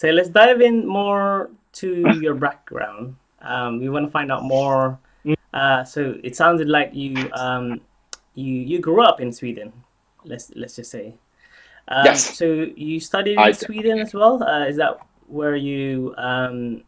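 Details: Adult male speaker; typical speech.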